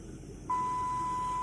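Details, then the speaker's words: IV infusion pump alarm beeping in the hospital room of an adult patient with IPF on escalating oxygen: a steady high-pitched electronic tone starting abruptly over a quiet room. "Hey y'all. Yes, my machine. Oh, my IV's beeping."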